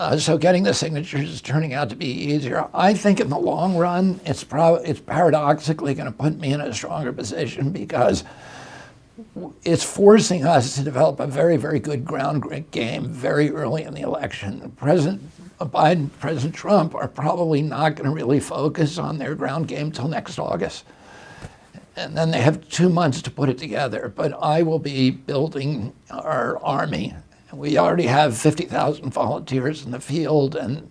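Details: Adult male with spasmodic dysphonia, onset in 1996 at age 42 after a neurological injury; he attributes it to his brain sending wrong signals to his vocal cords, and says his voice was very strong before onset.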